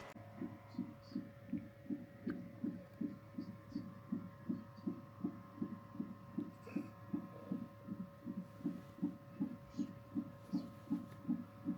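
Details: First-time mother in labour induction suite after waters broke, on 30-minute CTG monitoring: fast, regular whooshing fetal heartbeat from monitor speaker, about 155 beats a minute, steady background hum; baby reported fine.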